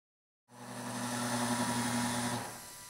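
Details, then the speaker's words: Steady whirring drill tone starting abruptly for about two seconds, then easing off: a 1.8 mm round bur drilling a marking hole at region 36 (third quadrant) for a MEDENTIKA MicroCone implant, 4.5 mm by 13 mm. Dental implant drill. "Se realiza un orificio de marcado en el lugar de implantación utilizando una broca redonda con un diámetro de 1,8"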